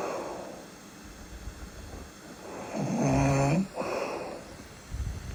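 Slow breathing with a loud, rattling, low snore on the in-breath, followed by a noisy out-breath: snoring during sleep.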